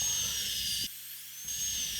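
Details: High-pitched dental drill whine with a brief pause: high-speed handpiece with diamond bur doing interproximal mesial/distal clearance during full metal crown preparation of upper molar tooth #15.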